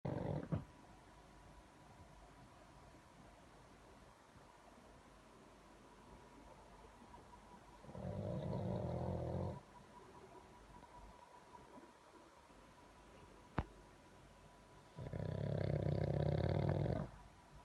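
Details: Snoring recorded for listening on a headset: two loud, rumbling snores on the in-breath about seven seconds apart, slow breathing about eight breaths a minute, over a quiet background hum.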